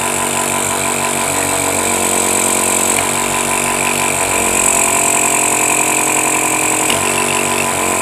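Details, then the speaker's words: Compressor nebulizer for asthma and breathing problems, test-run after a home repair with a replacement fuse: a steady droning motor hum with a fast mechanical buzz, running normally. "বানাই দিয়ে এখন আবার সিরিজের line দিয়ে দেখব যে আমাদের কম্প্রেসারটা চলছে কিনা। দেখতেই পাচ্ছেন আমাদের কম্প্রেসারটা চলছে।"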